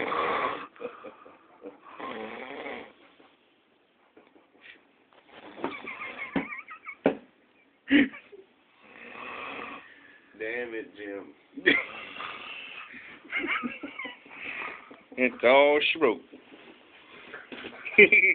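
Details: Irregular loud rattling, fluttering snores on breathing with quiet pauses between bursts; snoring.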